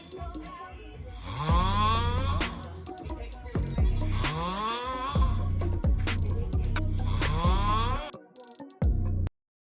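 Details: Snoring from a compilation of funny snoring clips: loud, rumbling snores, three long breaths with rising rattling tones, heard over music and room noise.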